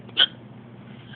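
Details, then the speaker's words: A single sharp, high hiccup against quiet room noise; drunk person with hiccups, at home alone. "feel like I feel like I may possibly my new is my my maybe I might have the hibs the hics and you know it's [ __ ] up"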